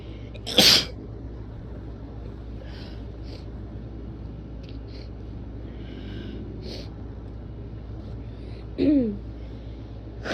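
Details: Strong sneezes: two sharp, forceful sneeze bursts about eight seconds apart over steady room hum, with faint small noises between.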